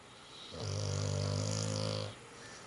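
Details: A single long, low, buzzing snore lasting about one and a half seconds, steady and resonant; snoring.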